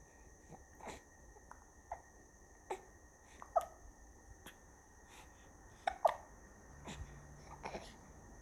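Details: Baby boy with hiccups: short sharp hiccup catches, roughly 20 to 25 a minute and somewhat irregular, with soft fussing and room hum.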